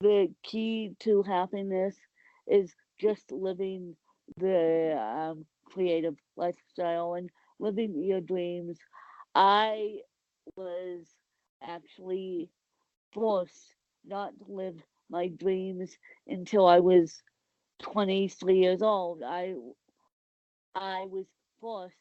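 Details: Speech of an adult woman with cerebral palsy.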